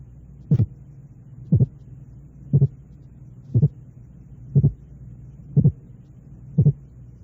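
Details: Auscultation training demonstration of a split heart sound, with the two components separated by 0.08 s.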